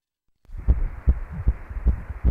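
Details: Rapid whooshing thumps around 150 a minute on ultrasound: a fetal heartbeat at twelve weeks and four days of pregnancy.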